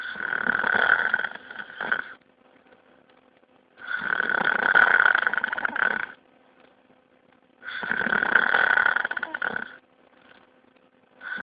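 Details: Loud, rattling snores lasting about two seconds each, three breaths in roughly eleven seconds, with quiet pauses between; snoring.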